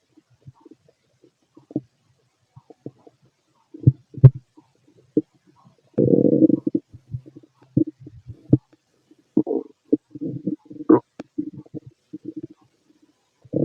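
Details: Stethoscope over the abdomen of a fit adult male digesting pastry, chicken, curry, bread, milk, eggs and pasta: frequent gurgles and brief growls, normal active bowel sounds.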